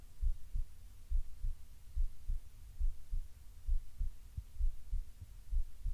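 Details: Heartbeat recorded lying on the left side while breathing softly: steady, regular paired low thumps at about 68 beats a minute; normal heartbeat.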